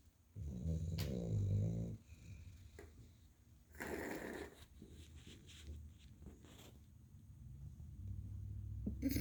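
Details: Sleeping dog snoring: deep rattling snores with a snort and room noise between breaths.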